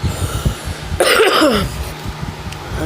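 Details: Single harsh, voiced cough burst from an adult, over low background rumble; cough.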